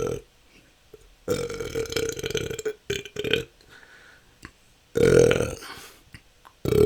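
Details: Person with excessive belching they say has lasted a couple of years and can go on for hours, in a continuous 10-minute recording: repeated loud burps in quick succession, several within a few seconds.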